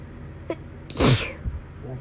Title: Autumn allergy sneezing fit